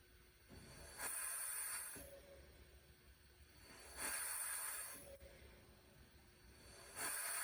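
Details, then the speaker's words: Rhythmic hissing gas bursts about every three seconds, roughly 20 a minute, from a COVID-19 ventilator inflating a test lung on 100% oxygen, blower shut down; faint flow-through gas between breaths maintains PEEP control: ventilator breath cycles. "Now, our design is a flow-through design, so in order to maintain good PEEP control, we continue to flow gas even during the exhale phase. And so you can hear on the video a small amount of gas being passed during the exhale as well, and that helps us maintain good PEEP control."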